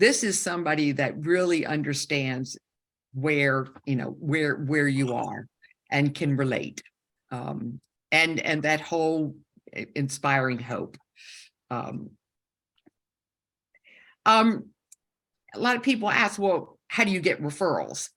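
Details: Woman with a stroke during aortic dissection surgery at age 47, with right-side loss and significant aphasia; she had about a year of speech therapy and still has aphasia symptoms; aphasia.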